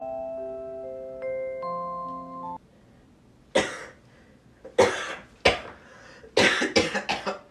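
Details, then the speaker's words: Brief light chime music, then about seven short dry coughs, the last four in a quick run, from someone trying to sleep in an acted skit; simulated cough. "I can hear you coughing I thought you might need some water so it could help you out here you go"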